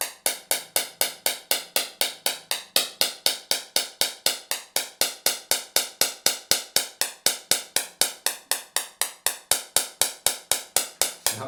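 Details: Rapid, very regular sharp clicks, about four per second, from a Viasure shockwave therapy applicator firing on the back of a patient's heel, treating suspected inflammation; patient reports a strange sensation, not pain.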